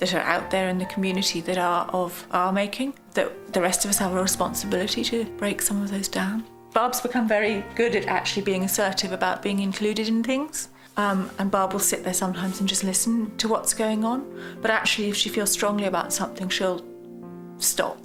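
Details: Adult woman speaking; normal speech.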